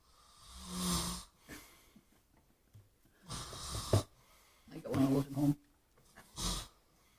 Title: SNORING UNCLE